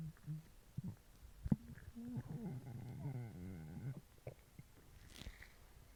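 Low gurgling, rumbling stomach growl lasting about two seconds, with soft bubbling before and after: ordinary hunger growling.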